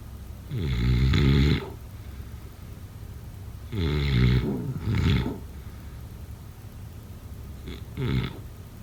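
Loud, deep, rattling snores on each breath in, uneven timing, roughly 20 a minute; heavy snoring.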